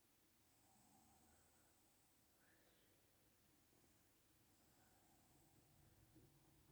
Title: Mum Snoring For 3 Minutes. (Huge Snore!)